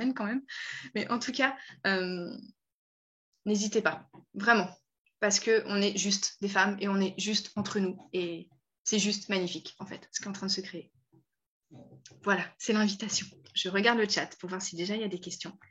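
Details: Adult woman speaking French; normal speech.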